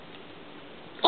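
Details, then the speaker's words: 9-month-old long-haired chihuahua sneezing on command: quiet room, then one sharp, brief sneeze at the very end, cut off almost as it starts. "can you sneeze can you sneeze too can you sneeze sneeze good boy"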